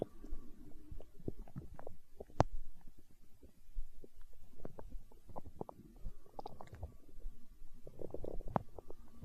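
Low gurgling rumbles with small pops and bubbling from an adult's stomach, the ordinary growling of gas and fluid moving through the gut.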